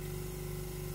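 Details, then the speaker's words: Ear-procedure suction machine (Hospivac 400) turned up to about −600 mmHg: steady low motor hum with a constant pumping drone. "let's crank up the power actually so it's around minus 600 millimeters of mercury"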